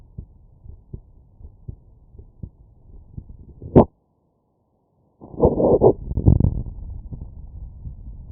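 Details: Normal heart sounds: regular paired lub-dub heart sounds through a stethoscope at about 80 a minute, then scraping stethoscope handling noise.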